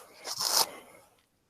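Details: A single short, hissing adult male sneeze with a quick explosive release that fades within a second; sneeze.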